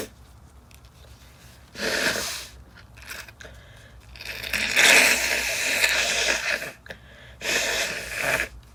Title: Stifled sneezing attack from sawdust (F)